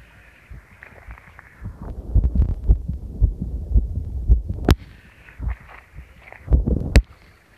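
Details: Own heartbeat recorded during a cycle ride over challenging terrain, noisy with clipping: deep, rapid thudding beats with rubbing and handling noise; fast heart rate with exercise.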